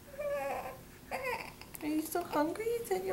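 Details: Baby who had hiccups, possibly hungry; short, rising and falling wails in a small room; infant crying.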